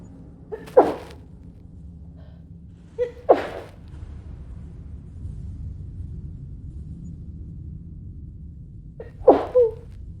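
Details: Acted allergic sneezing by a woman trying to muffle her sneezes in a cinema: a stifled sneeze, another held-back sneeze, then a louder full sneeze after a quiet pause.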